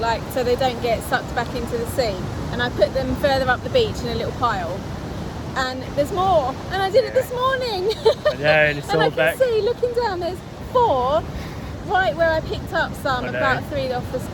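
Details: Adult speaker outdoors; normal speech.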